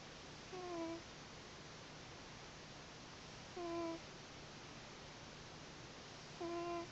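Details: A cat sleeping on a pillow next to the owner's head makes soft, whistly snores, one per breath, about 20 a minute, over steady room hiss; snoring.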